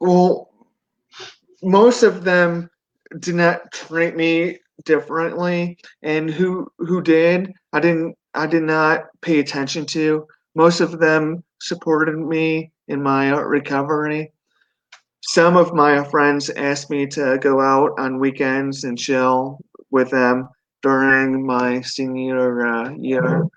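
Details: 42-year-old man with a stroke at 17 from an artery rupture during benign brain tumor surgery, followed by induced coma, global aphasia and right-sided paralysis; relearned speech; 25 years on, residual aphasia with word-finding difficulty, hesitations and repetitions.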